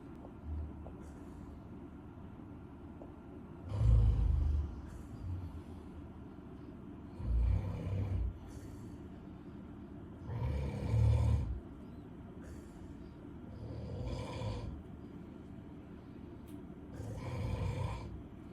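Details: Snoring heard on the Camino: deep, rattling breaths at about 17 a minute, slightly irregular, with steady room hum between them.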